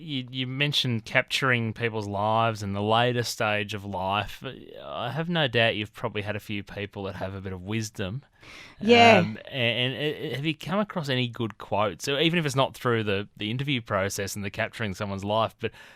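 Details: Adult male speaker; typical speech.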